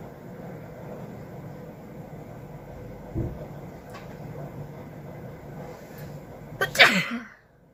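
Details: Sneezing challenge, sneezes induced by poking the nose with a stick, causing nasal burning and watery eyes: after steady room noise, one sharp forceful sneeze near the end.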